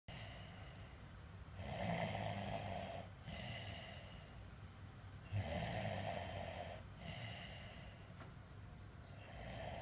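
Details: Person asleep with rough, noisy breathing and a fluttering snore on the breaths, over a constant low rumble of room noise; snoring.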